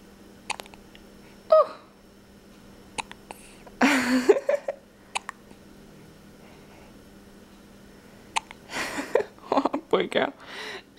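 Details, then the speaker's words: Infant girl with hiccups, usually fusses with them: repeated sharp, brief hiccup clicks at irregular intervals with a few small fussy sounds; ordinary infant hiccups. "here's chloe she always gets the hiccups i wanted to get in my video because they're"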